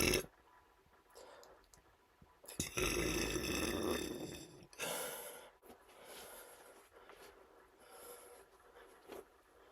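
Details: Adult male burping after a couple of beers, one long loud belch followed by several shorter softer burps in a small room.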